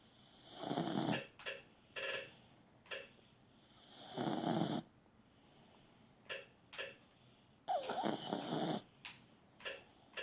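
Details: Sleeping chihuahua: rattling snores on each in-breath with short puffing out-breaths, about 17 breaths a minute; snoring.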